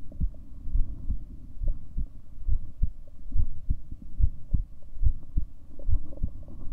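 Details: Recording of the person's own heartbeat: regular, low thumping beats at about 72 per minute over a faint hum.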